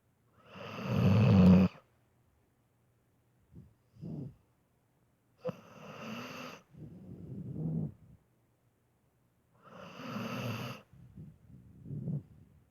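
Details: Sleeping dog snoring with heavy breathing: loud rattling inspiratory snores, each followed by softer snuffling exhalations, about three cycles in 13 seconds; snoring.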